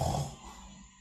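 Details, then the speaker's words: Obstructed snoring from an adult recorded overnight on a sleep app: brief, low, rough rumble that fades as air struggles to get in, disrupting sleep. "이렇게 숨이 쑥쑥 들어가면 그나마 괜찮은데, 숨이 못 들어가요. 이렇게 눌러놓고 이런 소리는 굉장히 수면에 방해를 주죠."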